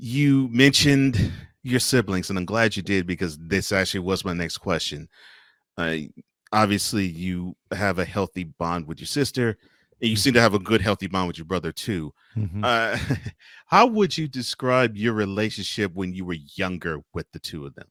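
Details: Adult male speaker; typical speech.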